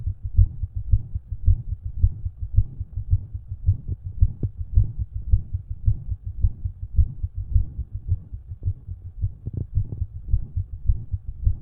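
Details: Own heart recorded with a stethoscope, with an intermittent extra heart sound (possible S4, uncertain) alongside a murmur; the extra sound was gone later that day.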